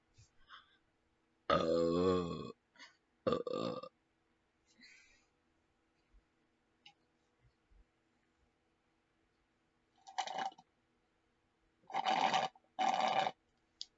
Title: me burping MEGA BURPS